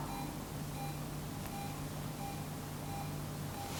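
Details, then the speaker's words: Short, evenly spaced electronic beeps as a syringe pump powers on after its power button is pressed, over a steady low hum. "Di sini ada logo bulat dan titik nah ini ini kalau kita pencet dia akan nyala seperti"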